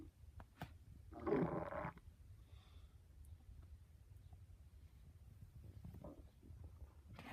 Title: My stomach growling very loudly